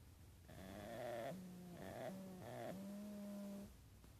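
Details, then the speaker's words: Sleeping opossum (marsupial) snoring loudly: three drawn-out, tonal, droning snores, each rising slightly then levelling off, over steady low room hiss. "Opossum snore."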